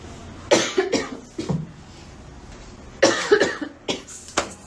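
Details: Girl coughing while talking, apologizing that her cough is bad and saying she needs cough syrup: two bursts of three or four short, harsh coughs over faint room noise.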